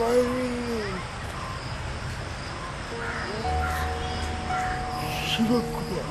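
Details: Adult man with dyskinetic cerebral palsy with involuntary movements, caused by jaundice at 3 days old; he struggles to speak; dysarthria (dyskinetic cerebral palsy).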